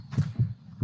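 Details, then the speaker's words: Simulated heartbeat used as auditory feedback of cardiac activity in virtual-reality walking simulation for rehabilitation: low, deep lub-dub thumps with the start of another beat. "for auditory feedback we use the heartbeat sound as you can hear"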